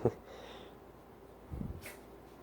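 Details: A Yorkshire Terrier rolling around gives one short, sharp sneeze, then faint snuffling and rustling movement in a quiet room.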